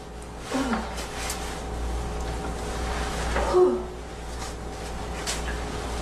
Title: Girl coughing 193